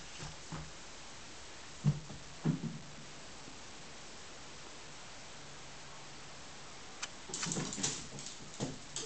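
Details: Dog named Moose sneezing: a few short, sharp sneezes in a quiet room.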